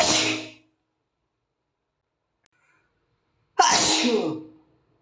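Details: Asian boy sneezing after nose tickling: two forceful sneezes separated by a few seconds of silence; repeated sneezing.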